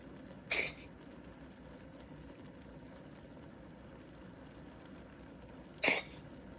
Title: Yoda Cat have a cough